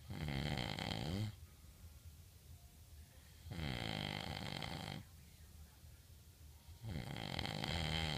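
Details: Loud, steady, rattling snores, each lasting over a second, about 20 a minute, with quieter breathing between them; ordinary snoring.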